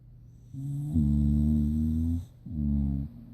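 Two long, deep, droning snores with a buzzing, vibrating tone on the breath; loud snoring in a sleeping dog.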